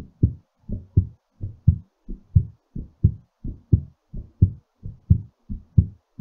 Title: exercise recovery heartbeat